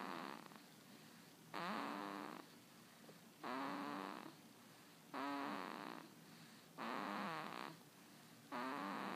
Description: Baby snoring